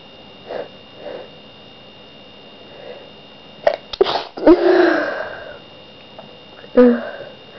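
A few quick sniffs and catching breaths, then a loud sneeze and a smaller one after it in a quiet room.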